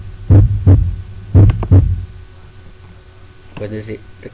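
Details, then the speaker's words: Two pairs of low thumps, first and second heart sounds, regular and clear with no added sounds or murmur; normal heart sounds. "Tum tumta tumta tum ta. El tum, tum es el primer ruido [Música] cardíaco."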